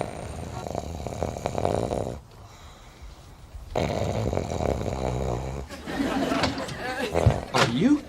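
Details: Exaggerated, acted loud snoring by a man in a Friends sitcom scene (S04E20), with laugh track and room noise behind it.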